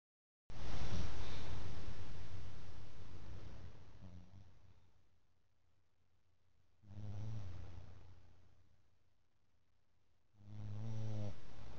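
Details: Pet (Sumo) sleeping after a hard day, snoring: slow, deep rumbling breaths about every four seconds with a low fluttering buzz on each.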